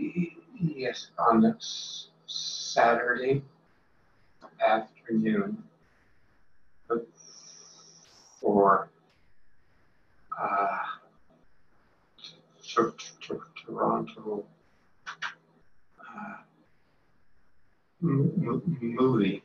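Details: Progressive non-fluent aphasia associated with frontotemporal dementia, typical case with agrammatical, effortful speech and trouble with small words like pronouns and prepositions; single-word comprehension and object recognition good: non-fluent variant primary progressive aphasia.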